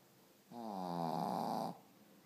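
A single drawn-out, buzzing, low-pitched rattle on the breath from a sleeping small dog, typical of snoring.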